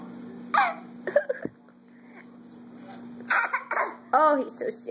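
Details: 16-month-old toddler fake coughing: a few short, deliberate coughs and throat-clearing mixed with vocal noises over a steady room hum; a playful voluntary cough.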